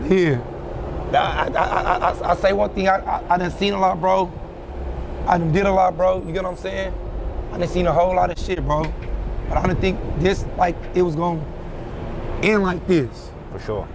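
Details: Stuttering and pausing in an adult man after a severe hand injury from a July 4 blast; his doctor said he would develop PTSD, and he suspects he has some, noting the stuttering worsens when describing the blast.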